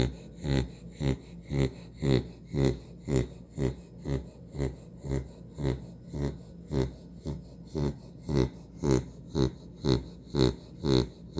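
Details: Napping female: steady rhythmic snorting snores, one per breath at about 118 a minute, in a quiet room; fast noisy breathing during sleep.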